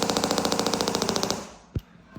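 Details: Radial shockwave (EPAT) device with knuckle applicator held at 45 degrees on deep tissue for fascia release and soft-tissue work: rapid, evenly spaced mechanical clacks, about fifteen a second, stopping abruptly.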